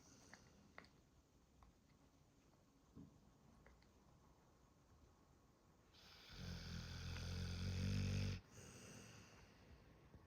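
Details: Pitbull dog snoring while sleeping: quiet breathing, then one loud, rumbling inward snore lasting about two seconds.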